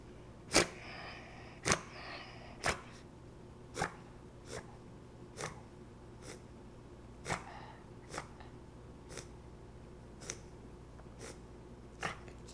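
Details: Female Beagle with bronchitis, about two days into antibiotic and antihistamine treatment, gives about a dozen short, sharp coughs with raspy, wheezy breath noise; cough with wheeze.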